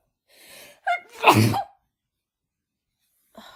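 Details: Woman with her first head cold of the year, sneezing after using chhinkni: a sharp in-breath, then a single forceful sneeze with a burst of air in a quiet room.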